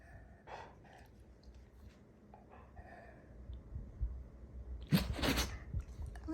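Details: Dog sneezing: quiet sniffing and small breathy sounds, then a sharp double sneeze burst near the end, in a small quiet room.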